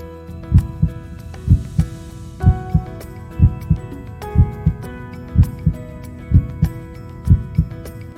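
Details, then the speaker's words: Normal heart sounds heard live through the TytoCare device's stethoscope adapter during a remote tele-assisted exam: regular paired heart sounds, about 62 beats a minute, music in background. "The patient is then instructed on the screen on where to place the stethoscope to perform the heart exam, and we can hear live audio of the heartbeats."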